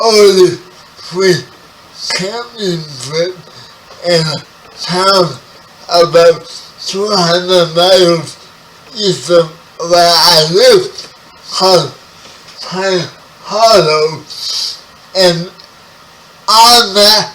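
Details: 30-year-old man with spastic quadriplegic cerebral palsy, born 11 weeks premature; his speech is affected by the condition. Spastic dysarthria.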